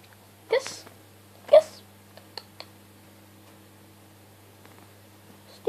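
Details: Pet cockatiel that has learnt to sneeze: two tiny, sharp sneezes with a few faint clicks between, over a steady low hum in a quiet room; sneezing.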